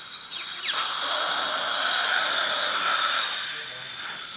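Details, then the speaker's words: High-pitched whirring dental surgical drill with steady hiss, run with a drill extender while preparing the implant site at tooth #12 after extracting severely decayed teeth #12 and #14 for immediate mini implant placement. "you'll notice I'm using the drill extender turn toward me real big"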